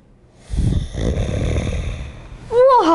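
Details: Acted snorting snore from a 2002 anti-snoring device commercial with child actors aged 10 and 11: a loud, rough nasal snort with a rattle, then a startled voiced exclamation; simulated.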